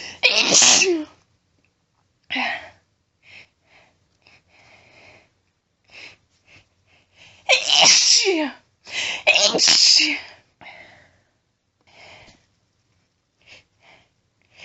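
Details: Several loud, forceful sneezes, about three sharp explosive bursts, from a woman announcing her sneezes, separated by quiet breaths and brief murmurs; sneezing.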